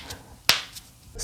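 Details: A single sharp, dry, painless pop of joint cracking (cavitation) from gas bubbles in joint fluid, in a runner and physiotherapist who cracks many joints, including the knee.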